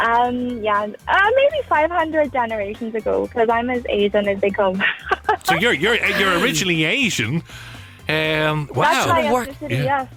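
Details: Foreign accent syndrome in an adult Australian woman of Asian background, sudden onset on waking, noticed around tonsil surgery, day 56; accent resembles a mix of Irish regional accents though she never visited Ireland.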